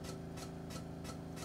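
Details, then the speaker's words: Cryoablation machine running during ultrasound-guided freezing of a breast fibroadenoma in a live procedure under local anesthesia: steady low hum with rhythmic hissing chugs, about three per second. "you're going to hear a lot of noises over here you're going to hear the machine turn on and then you're going to hear this kind of chug chugging noise"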